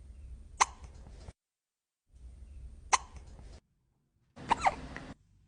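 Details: A kitten hiccuping: three short, sharp, squeaky jerks a couple of seconds apart, each a single abrupt catch; hiccups.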